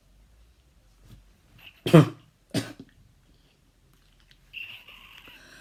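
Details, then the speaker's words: Habit cough, coughing for five years at what feels like a hundred times a minute, before trying a suggestion therapy: two or three abrupt, loud, dry coughs, then quiet breathing, a habit cough without underlying physical cause. "I usually call for what feels like a hundred times per minute and I've been coughing for the past five years so here I go"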